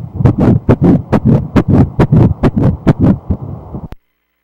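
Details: Early fetal heartbeat at 7 weeks 2 days of pregnancy on ultrasound, heard as rapid, regular whooshing pulses at about 137 a minute, a normal rate.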